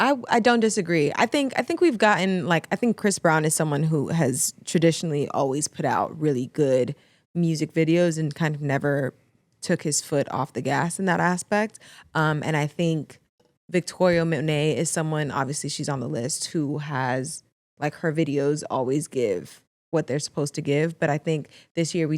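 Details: Adult speaker; normal voice.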